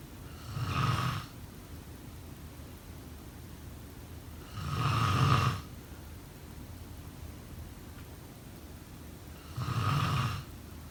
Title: Snoring sound …